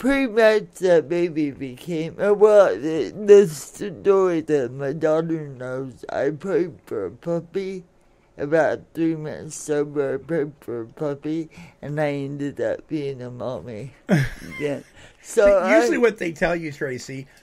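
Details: Dysarthria from congenital cerebral palsy in an adult woman born in 1959, caused by oxygen deprivation to the brain during a delayed birth; it affects her speech and motor skills, and some listeners have difficulty understanding her.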